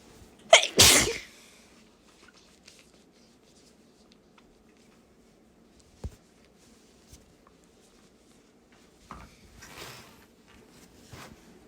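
One strong, explosive sneeze, followed by quiet and faint breathing and rustling sounds.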